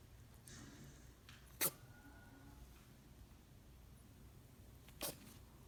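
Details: Rabbit that owner suspects got water in its nose: two sharp, brief sneezes several seconds apart in a quiet room; repeated heavy sneezing.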